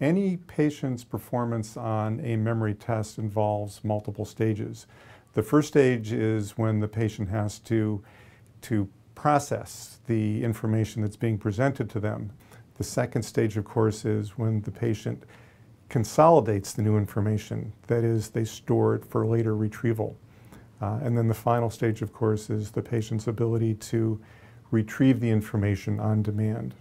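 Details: Adult male lecturer; normal speech.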